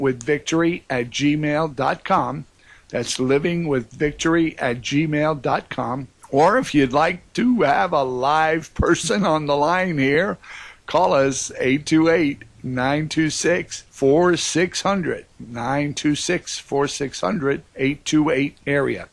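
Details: Adult man speaking; normal voice.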